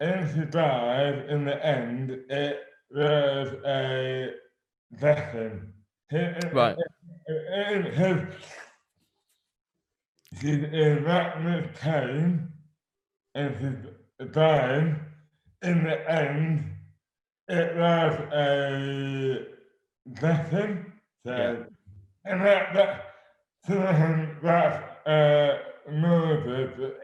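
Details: Adult man with dystonia, a rare neurological disorder; severely slurred speech began overnight in 2008 at age 24, never recovered and has worsened; hands also impaired; treated with botox injections; dysarthria due to dystonia.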